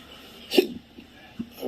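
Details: A single sharp hiccup followed by faint catches of breath in a quiet room, from an adult with intractable hiccups of five years, an episode starting around 6 a.m., with shoulder soreness and chest pressure; hiccups.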